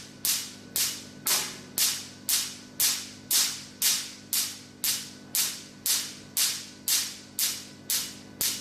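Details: Q-switched Nd:YAG laser handpiece firing sharp, even snapping clicks at about two pulses per second during a tattoo removal treatment demonstration.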